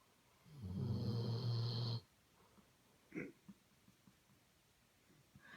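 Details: Weimaraner/Doberman cross dog snoring crazy loud: a single loud, low, rumbling snore lasting over a second, then quiet breathing with a few soft noises; snoring.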